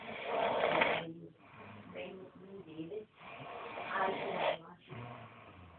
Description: Ma Big Bro Snorrin :-" Aha x He Hinks Eh Doesny Tae :))